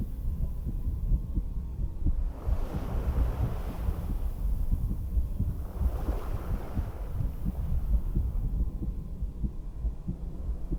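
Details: Own heartbeat through a stethoscope while sitting on a beach-house porch: low, dull normal heart sounds partly masked by wind rumble and ocean surf.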